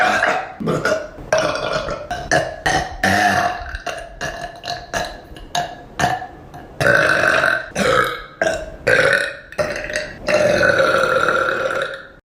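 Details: Burping compilation: a run of loud, long, rumbling belches, one after another with brief gaps.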